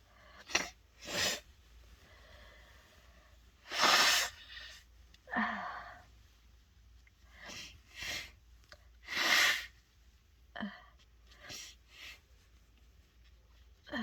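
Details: Stuffed up from a cold and could not stop sneezing after taking a dose of chhinkni: a run of forceful sneezes with sniffs and breathy gasps between, recurring every few seconds in a small room.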